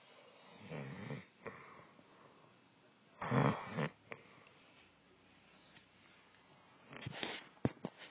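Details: Adult woman asleep, three rough snores in about eight seconds with quiet pauses between; snoring during sleep.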